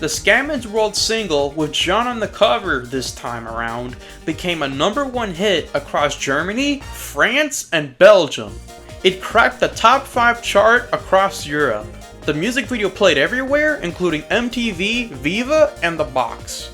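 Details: Adult narrator; no speech disorder.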